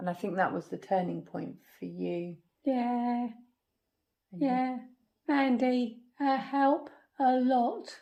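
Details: Woman with aphasia after a stroke at age 46 damaging the brain's language area; halting speech with word-finding pauses; non-fluent aphasia.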